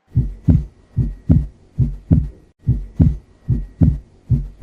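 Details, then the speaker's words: Normal heart sounds S1 and S2: a regular lub-dub heartbeat at about 74 beats a minute. "तो ये तो आपने normal s1 s2 जो हमें नॉर्मली सुनाई देता है वो आपने सुन लिया"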